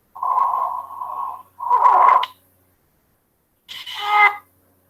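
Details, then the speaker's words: Stridor demonstrated in a lung examination lecture: high-pitched, musical, harsh breath sounds over three breaths, from narrowing of the large upper airway at the trachea or larynx. "más o menos así se escucha el exterior entonces al escucharnos un proceso en el examen físico nosotros ya vamos a orientando a tener una obstrucción a nivel de vía aérea inferior"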